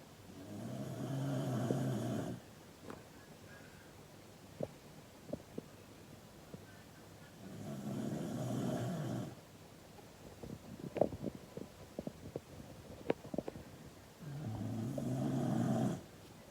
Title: Dog Snoring LOUD 😴 💤 🐶